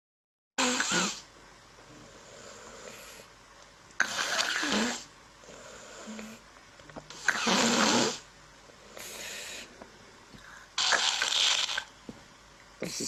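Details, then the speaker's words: Snoring example from an otolaryngology lecture on laryngomalacia: repeated coarse, low-pitched noisy breathing in rhythmic bursts, like a blocked nose, from upper airway obstruction. "pronta mais grosseiro né ele ele é mais mais grave né é muito impressão medo de nariz entupido né"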